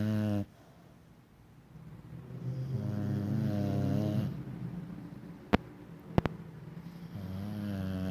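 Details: Snoring: deep, rumbling snores with quiet pauses, about one every three to four seconds, in a quiet room.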